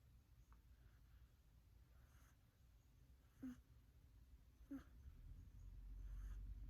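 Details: Quiet, low rumbling breathing from a sleeping cat, with two soft squeaky whistles on breaths about a second apart; cat snoring.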